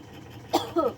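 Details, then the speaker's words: Habitual snorer, woken to eat again: a single short cough burst followed by a brief throaty voiced sound, like a cough on waking; cough. "Ayo kita buka ngorok mau makan lagi week ini dia pas lagi bangun batuk"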